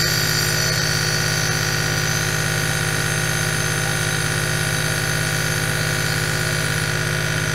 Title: ASMR NEBULIZER AEROSOL 8 HOURS